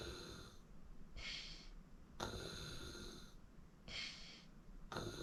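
Rough, noisy breathing sounds repeat in cycles while asleep; snoring, with soft hissing between breaths.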